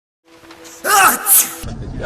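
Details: Sneeze: a rising intake followed by a loud explosive burst, with music in the background.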